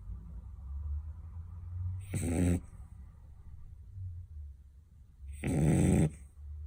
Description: Bella Bleu beagle dog snoring ♥️💤💤 / #bellableubeagleblog #bellableu #beagles #bellableuiloveyou #dogsnoring